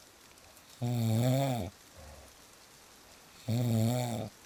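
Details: Real snoring recording: two loud, buzzing, tone-like snores on the in-breath about three seconds apart, with a faint snort between, over steady rain; snoring.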